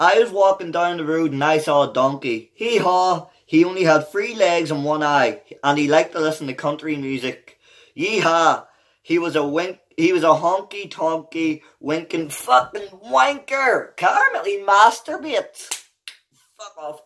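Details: Adult man with Tourette syndrome producing involuntary vocal tics, including vulgar words, that are left unedited and interrupt his reading aloud of a children's book; real, not acted; Tourette syndrome vocal tics.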